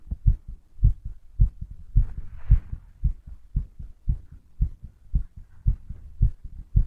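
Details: Strong, regular low double thumps at roughly 110 a minute; a fast, forceful heartbeat.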